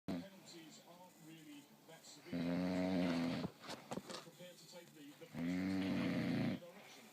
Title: snoring